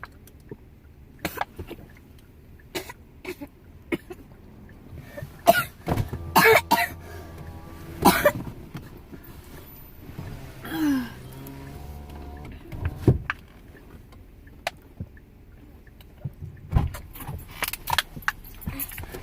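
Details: Adult coughing fit after drinking water: repeated coughs with throat clearing and strained, voiced gasps, a choking-type cough after swallowing.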